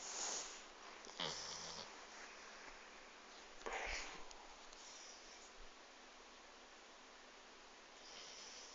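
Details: Dog snoring.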